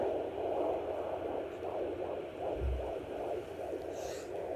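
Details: Fetal heartbeat on a handheld fetal Doppler at 14 weeks of pregnancy, held by a 14-month-old toddler with the mother steadying it: rapid, regular whooshing pulses at about 155–160 a minute.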